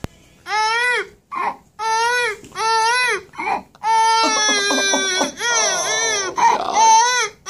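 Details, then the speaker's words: Adult man's imitation of a baby crying, a trick he performed on television in 1993: rising and falling wails in bursts with gasping breaths between. "it's a crying baby the crying baby has seen on david letterman thank you thank you"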